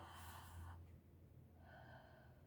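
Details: Stethoscope auscultation of a female patient's upper anterior chest near the clavicle while breathing on request: one soft breath in and out, normal breath sound from healthy lungs.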